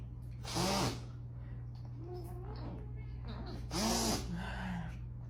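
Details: Person with allergic rhinitis, off-screen: two sharp voiced sneezes about three seconds apart over a steady low hum; a short sneezing fit.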